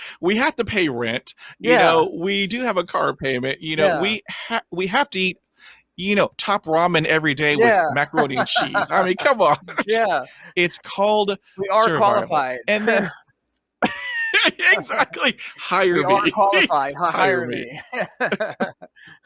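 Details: Adult man who stutters; finding: stuttering.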